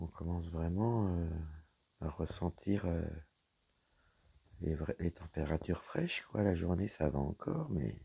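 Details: Woman whose vocal cords were damaged by a serious health problem; her voice is deeper than before, at times she has little voice, and she cannot speak loudly; low-pitched voice; dysphonia from vocal fold damage.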